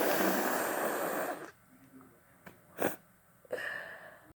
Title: Wet cold sneezes